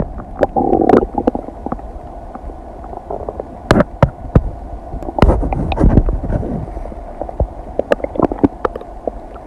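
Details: Normal bowel sounds.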